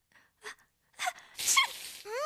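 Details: Voiced cartoon character: short, quick in-breaths build up to a loud, high sneeze-like burst; a gasp before a sneeze.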